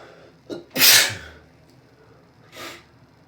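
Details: Allergic sneezing after a shower, which happens nearly every day: a short intake, then one forceful hissing sneeze and a softer second burst, part of an allergic sneezing fit.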